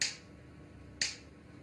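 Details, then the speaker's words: Repetitive transcranial magnetic stimulation during a 15-minute session, head held still on a chin rest: two sharp, dry coil clicks about a second apart. The patient feels the teeth clench and a small pressure blow like a ballpoint tap. "But you do feel the clenching. It actually feels like there's a um like a small pressure blow like a ball point."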